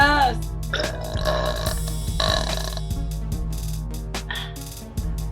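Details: Woman in a burping contest lets out a long, low, rumbling belch over loud background music.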